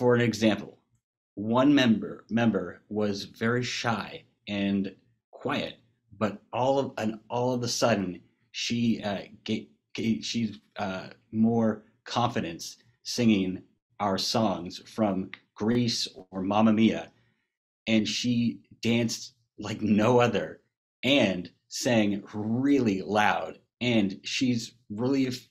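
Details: Man who had a massive stroke from a burst brain aneurysm at age 21 in 2009, causing global aphasia; joined an aphasia treatment program in 2013 and sings in an aphasia choir; aphasia.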